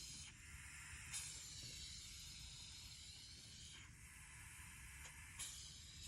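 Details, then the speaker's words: Respiratory therapy student's simulated nasotracheal suctioning demonstration: continuous high hiss with brief bursts as wall suction is turned up and set below 150 before nasotracheal suctioning; wall suction running. "go ahead and turn up my suctioning i'm going to make sure that my suction is less than less than 150"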